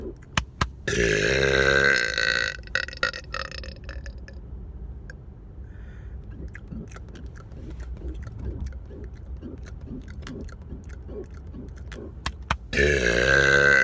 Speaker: today I'm going to be doing another car burps